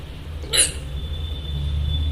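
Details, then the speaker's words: Woman with sudden bouts of hiccups after eating a pomegranate: one brief, sharp hiccup over a low room hum and a faint steady tone. "अच्छी खासी हिचकी start हो गई और बहुत बढ़िया अपना काम कर रही थी मैं लेकिन सडनली बताओ इनका मैं क्या करूं"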